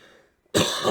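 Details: Adult cancer patient on chemotherapy, before the fourth round, with a lingering cough under investigation: a single abrupt, harsh cough burst after brief silence.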